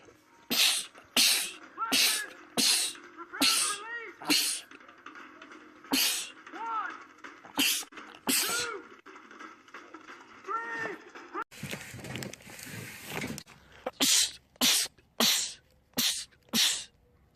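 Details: Quick series of a dozen or more sharp sneezes by a man, with a brief noisy stretch midway; a rapid sneezing attack in a compilation of film clips.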